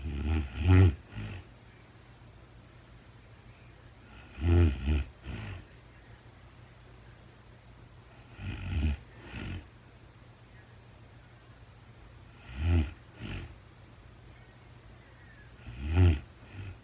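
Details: Real-time recording of a woman sleeping, very tired, no talking: loud, rough snores on each breath, roughly 16 breaths a minute, with quiet pauses between; snoring.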